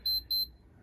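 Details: Two short high-pitched beeps from an Infinity enteral feeding pump; a pump alert tone.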